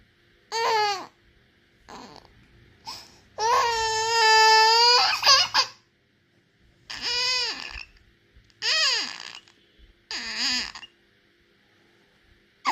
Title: Baby crying because of Dady's sneeze | Baby crying video #babiesvideos #funnyvideo #baby #shorts